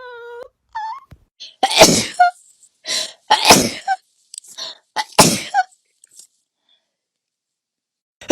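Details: Person who says they sneeze a lot, likely not allergies, just woke up: short rising voiced build-up, then about three explosive sneeze bursts with gasping breaths between, quiet room; sneezing.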